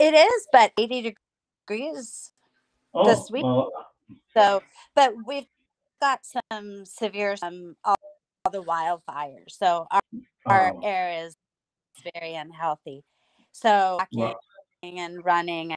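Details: Adult woman with mild residual aphasia after hemorrhagic strokes from a carotid artery tear; could barely talk afterward, relearned speech with a speech pathologist using singing; about nine years post-stroke.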